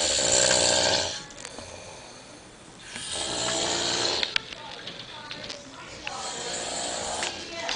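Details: Loud, rasping snores on each breath in, about 19 a minute, with quiet gaps between, likened to sawing logs; recorded to document a snoring problem: harsh snoring.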